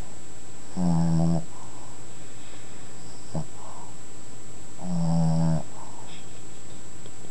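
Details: Female snoring, recorded in 2007 when she was just a baby: deep, buzzing rattles on each breath, about four seconds apart, over steady room hum.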